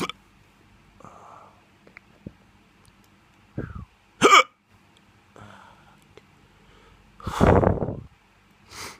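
Sudden, sharp, brief gulping sounds at irregular intervals, mixed with a few vocal noises. Typical hiccups.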